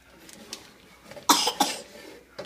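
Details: A son deliberately gives two short, sharp coughs while making a pizza, with quiet room noise around them; a voluntary cough.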